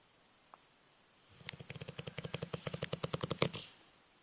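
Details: Alapaha Bulldog snoring heavily while asleep: a quick run of fluttering, rattling pulses during a breath, like a snorting snore; snoring.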